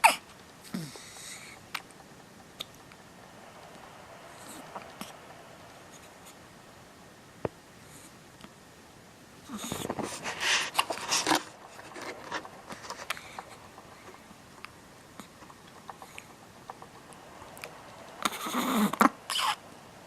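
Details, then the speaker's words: Animal with frequently recurring hiccups: short, sharp clicks at irregular intervals in a quiet room. "Hi everyone, Penelope has the hiccups."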